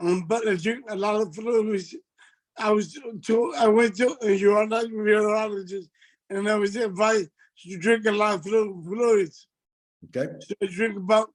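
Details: Adult man with multiple system atrophy that has affected his speech and gait; dysarthria.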